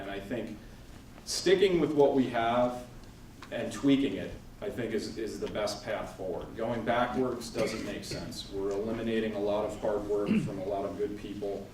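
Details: Adult man; Normal speech.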